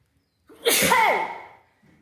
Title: sneezes Africa 🌍, please like and SUBSCRIBE,thank you Sincerely.